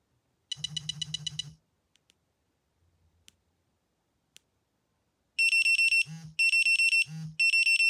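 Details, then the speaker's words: Loud, shrill, steady beeping alarm in repeated bursts after a lower buzzing pulse: a baby breathing monitor on a newborn girl sounding its big alarm after no detected breathing or movement. "If they don't startle after that, then after 5 more seconds of no breathing or moving, it has a big alarm. So it is loud, it's horrible."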